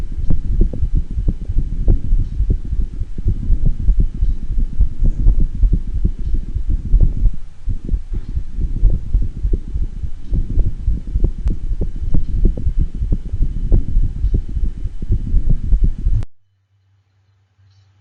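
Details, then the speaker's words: Another animal with atrial fibrillation: irregular heart rhythm recording. "there's an alternate case another animal with atrial fibrillation to listen to let's give that a quick listen"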